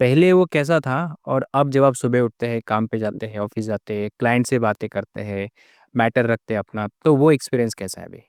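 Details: Adult male speaker; normal speech.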